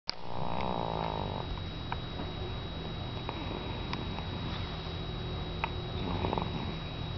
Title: snoring baby